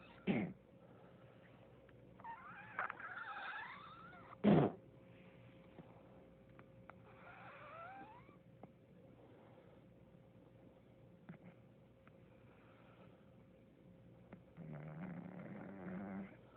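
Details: Cat with tongue out at the start of an asthma-like attack gives two sharp coughs between whistling, wheezy breaths.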